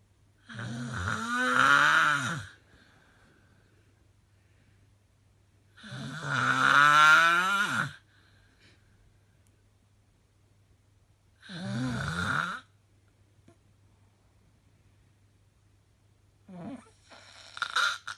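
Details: Really bad snoring: loud, harsh, rattling snores on each breath, about twelve a minute, separated by silent pauses; heavy snoring.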